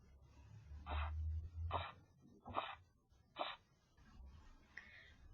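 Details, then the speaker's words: Blood pressure measurement heard through a stethoscope: faint, regular tapping sounds marking Korotkoff phase one, which begins with the first two sounds and marks the accepted systolic reading. "El primer sonido que vamos a escuchar es un leve golpe que señala la fase uno que comienza con los dos primeros sonidos de la medición sistólica aceptada."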